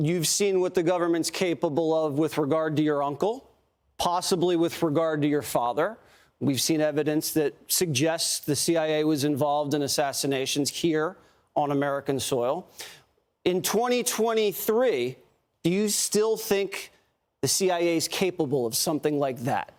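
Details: Adult male speaker; ordinary speech.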